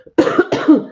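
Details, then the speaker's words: Adult with a persistent cough lasting over 10 weeks that has not responded to antibiotics: two quick, moist-sounding cough bursts. "nasty cough for over 10 weeks now, and I had antibiotics, and it's just not helping."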